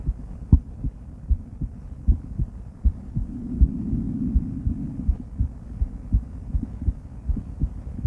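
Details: Female heart auscultated with different stethoscopes, moving through Erb's point, mitral, tricuspid, aortic and pulmonic sites; steady lub-dub near 80 per minute with soft background hum; normal heart sounds.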